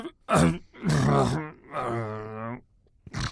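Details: Noisy breathing during sleep: loud, rough, groaning breaths in a slow rhythm, each drawn out with a buzzing, throaty, snore-like quality.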